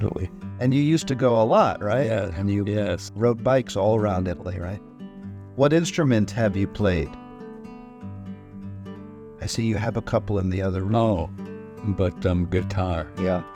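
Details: Adult interviewer; normal speech.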